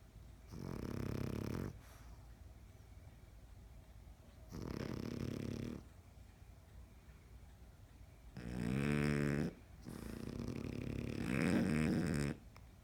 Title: Snoring Frenchies